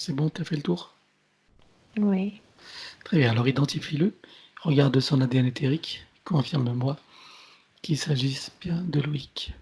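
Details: Adult speakers, French conversation; ordinary speech.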